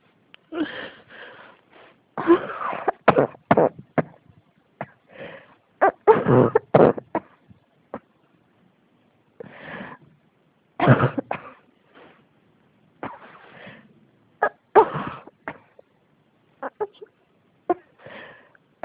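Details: Persistent cough: repeated bursts of coughing in clusters with short pauses, roughly twenty coughs in under twenty seconds.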